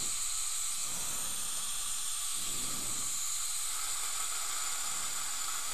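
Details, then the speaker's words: Dental air-water syringe rinsing a lower right second molar (tooth 31) during an all-ceramic e.Max crown preparation: a continuous hissing spray with splashing. "so right now all we did was wash the tooth with water rinsed it with water"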